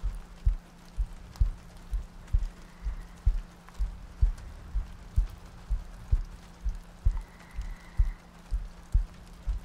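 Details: Three-hour looped ASMR sleep-aid recording with soft breathing and rain ambience; steady low thumps at about 64 beats a minute under soft rain noise; heartbeat.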